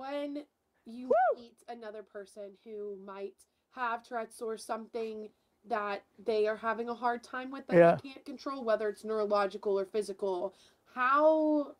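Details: Adult woman speaking; normal speech.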